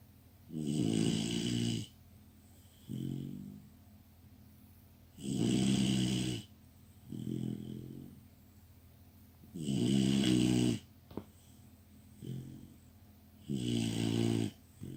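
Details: Labrador puppy snoring like a warthog: rhythmic low rattling snores on each in-breath, softer out-breaths, about 8 breaths a minute, over steady room hum.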